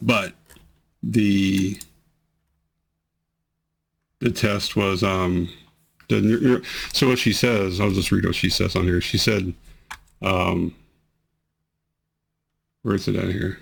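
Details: Man with multiple system atrophy reports amplified, unceasing tremors that worsen with activity and emotion and affect his voice, plus bladder problems; voice tremor.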